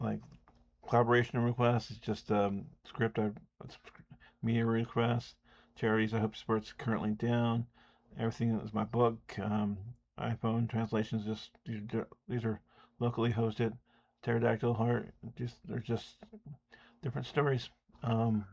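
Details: Speech impediment (disfluent speech with sound prolongations), self-reported and audible, in an adult man.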